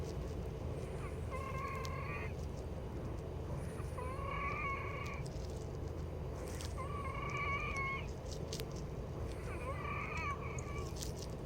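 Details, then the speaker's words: Musical, high-pitched lung wheezing with each breath at about 21 breaths a minute, around 1 AM, recurring before a scheduled Arformoterol and Pulmicort nebulizer treatment; DuoNeb planned if wheezing restarts. "then start wheezing again and this wheezing is on June um well actually past 12:00 so it's this June 20th then it's about almost 1: in the morning"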